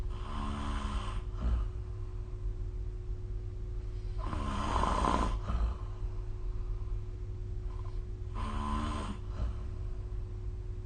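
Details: Snoring recorded with the SnoreLab phone app: three rough, rattling snores on inhaled breaths about four seconds apart, roughly 15 breaths a minute, over a steady low room hum.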